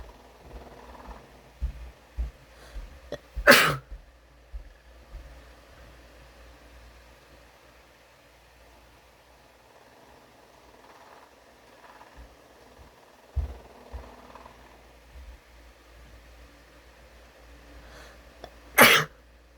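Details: Two loud, sharp adult sneezes brought on by tickling the nose with a tissue and a cotton swab, with quiet rustling and small sniffs between them.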